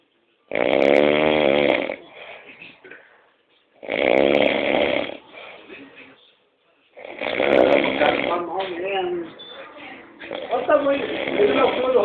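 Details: Man referred to as "padre" snoring in sleep: loud, rattling snores of about a second each, separated by quieter breathing and a few pauses.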